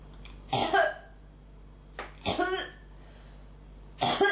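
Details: Three harsh, throaty coughs about two seconds apart over room hum, a cough that won't stop and is felt catching in the throat; persistent cough.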